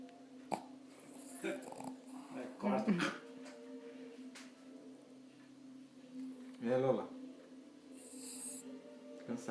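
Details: Pug snoring: two rough, snorting snores over a steady background hum.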